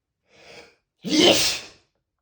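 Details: Spraying sneeze in a male, not stifled: a quick intake of breath, then one loud, hissing open sneeze.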